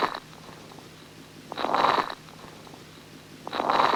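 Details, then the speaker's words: Teaching recording: fine, high-pitched late inspiratory crackles over a soft vesicular (not bronchial) breath sound, attributed to interstitial fibrosis rather than interstitial fluid. "the late inspiratory timing may be difficult to identify since the underlying bread sounds is so soft that it's not too easy to identify its sunset but indeed if they're late inspiratory what is the mechanism are they due to fibrosis or are they due to fluid in the interstitial"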